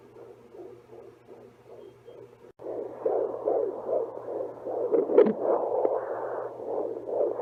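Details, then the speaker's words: Rapid regular whooshing fetal heartbeat, roughly 150 to 170 a minute, on a home fetal Doppler used from about week 12 of pregnancy after first-trimester bleeding. "being able to listen to the baby's heartbeat every few days just really helped put me at ease."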